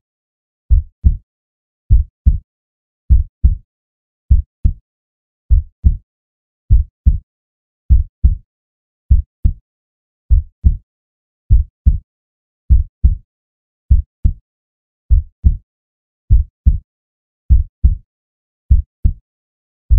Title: 2 Hours of Heart Sounds, Deep Heartbeat for Relaxing, Meditation and Sleep